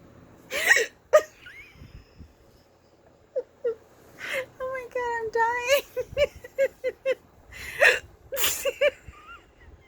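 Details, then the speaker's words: Bout of hiccups in someone who says they rarely hiccup: repeated short, abrupt gulping catches of the voice, often squeaky, mixed with laughter. "hey you know okay I usually only have the hiccups exciting"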